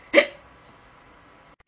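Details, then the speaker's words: A woman with Tourette's who has hiccups and a sore throat, with vocal tics between; hiccup. "guys guys i have hiccups it's not much different [ __ ] off from having tics"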